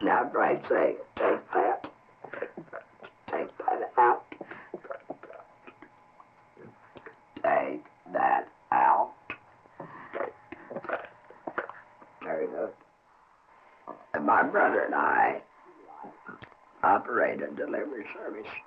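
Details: Man whose larynx was surgically removed as cancer treatment, now speaking with esophageal speech; esophageal speech after total laryngectomy.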